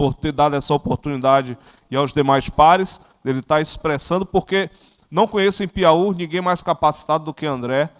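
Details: Adult man speaking Portuguese; unaffected speech.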